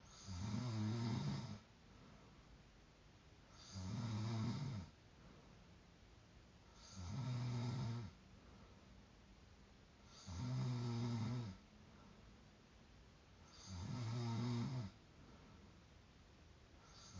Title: woken up by my own snoring